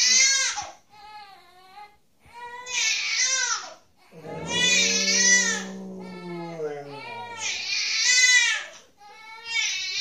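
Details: A baby's high, wailing cries in repeated bursts, with a golden retriever/vizsla dog's lower, drawn-out howl joining in, the dog "singing" to stop the crying.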